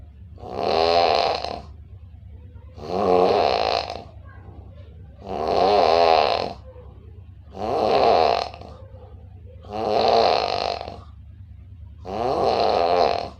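Loud, rattling snores on each breath in, about six over thirteen seconds, roughly 26 a minute, over steady low room hum.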